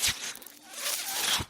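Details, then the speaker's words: Speaker's own mechanical ventilator heard during a podcast recording: soft, airy hissing rises and fades between brief clicks as it delivers a breath; mechanical ventilator sound. "my name is renan that noise you're hearing is my ventilator"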